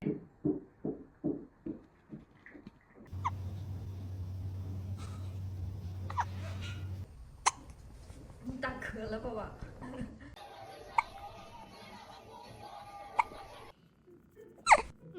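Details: Cat with hiccups: a run of about eight soft, evenly spaced hiccup pulses, then room noise and quiet talk with a few isolated clicks.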